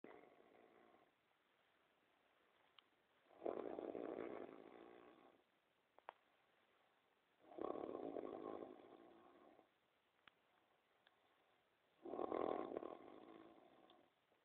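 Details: Loud, rough snores in regular bursts, about 14 a minute, separated by quiet pauses: snoring.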